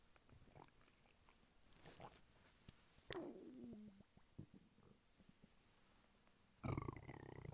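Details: Male lying flat on his bed while hungry: quiet gurgles and a falling, squeaky rumble, then a louder growling gurgle. Borborygmi, normal hunger stomach rumbling.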